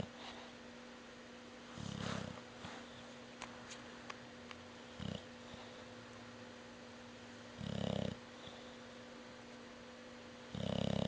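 Soft, irregular low snorting snores from a resting animal, a few breaths apart, in a quiet room with a steady hum.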